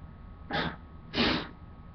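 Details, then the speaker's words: Self-induced sneezes while standing up. Two sneezes in quick succession, each a short explosive burst of air, over a faint steady background hum. "I don't know if you could hear me, but I'm standing up sneezing."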